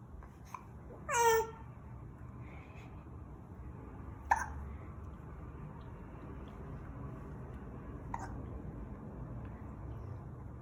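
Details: Infant girl aged 2 months 27 days, sitting in a bouncing chair, has three short, sharp hiccups a few seconds apart in a quiet room, the first with a brief voiced squeak.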